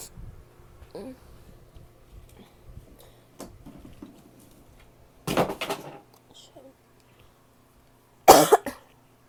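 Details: Two loud, harsh, barky coughs from an adult woman, a few seconds apart, with quiet room sound between: barking cough.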